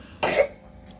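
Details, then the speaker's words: Adult woman with flu, blocked nose and hoarse voice, whose cough she feels down to the chest: a single short, harsh cough burst in a quiet room. "Aku batuk sampai yang tahu enggak sih kalau kata orang batuk ngekel gitu sampai dada."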